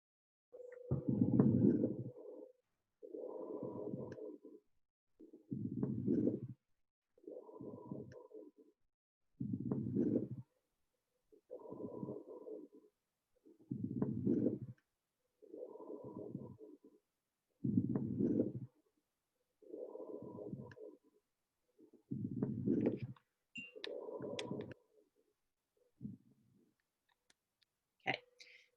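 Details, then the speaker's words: Rough, bubbly low-pitched sounds repeat with each breath: crackles, attributed to fluid in the lungs such as from pneumonia or infection. "okay so crackles happen when we have water in the lungs some kind of fluid not maybe not water some type of fluid in the lung whether that's from pneumonia or an infection um or whatever so it's kind of a low pitched bubbly sound"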